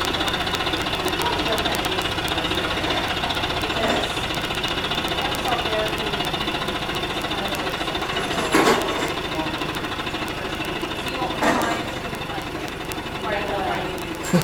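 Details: Person wearing a high-frequency chest wall oscillation physical therapy vest set to 13 Hz and feeling the pressure: steady mechanical rattling hum with brief voices over it.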